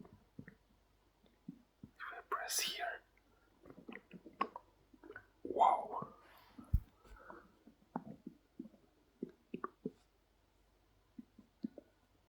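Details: Hungry adult male, recorded right next to his stomach: irregular gurgles, squelches and short sloshing bursts with quiet gaps, ordinary hunger-related stomach growling (borborygmi).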